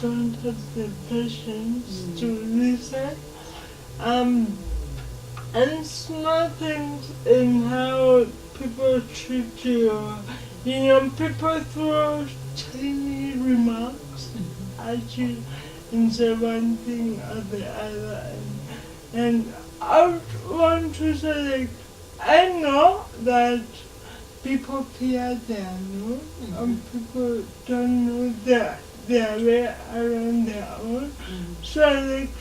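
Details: Dysarthria in a 27-year-old woman with lifelong cerebral palsy; she can speak but needs extra time.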